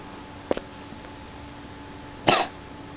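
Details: Coughing recorded on 2011-03-07.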